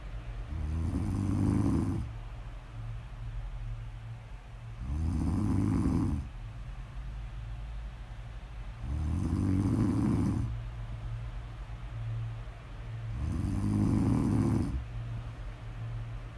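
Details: Snoring recorded for ASMR: four low rattling snores at regular intervals, about 15 breaths a minute, with quiet breathing between; ordinary snoring.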